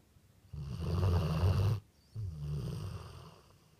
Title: Snoring dog